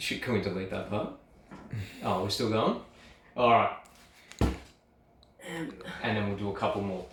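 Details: Adult; typical speech.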